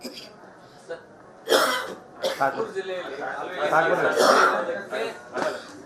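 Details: An adult male politician coughing persistently during a campaign yatra in Bagalkot gives several loud, harsh cough bursts, mixed with throat clearing and muffled voices.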